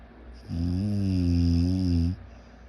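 A single sustained, low, buzzing snore lasting about a second and a half, a rough vibrating sound of the upper airway during sleep.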